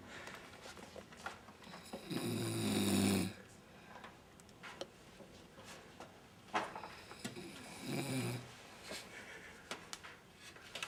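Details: Snoring: two loud, rumbling snores about five seconds apart, with quiet breathing and faint room noise between them.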